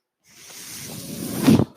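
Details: Mechanical ventilator breath of a ventilator-dependent speaker recording a podcast: a soft airy whoosh builds over about a second, peaks, then cuts off sharply as a single breath is delivered.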